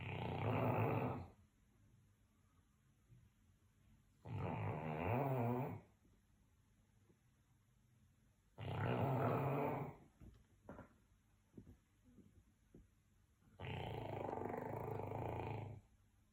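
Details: Dog snoring during sleep, 10 years on: four loud, rumbling snores on inhalation, roughly 14 a minute, with quiet pauses between.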